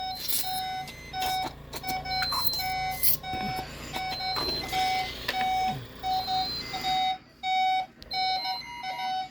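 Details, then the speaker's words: Home medical equipment of a 15-year-old with SMA, on her Spinraza treatment day: repeating electronic beeps with room noise, an alarm (ventilator or monitor) demonstrated by a parent. "But I want it to be alarm off at all time."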